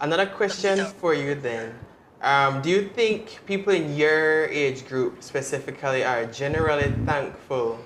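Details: Adult male speaker; Normal speech.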